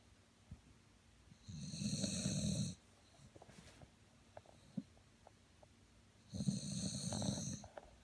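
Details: Old person snoring: two long, rough, rattling inhaled snores with quiet gaps and a few soft clicks between; ordinary snoring.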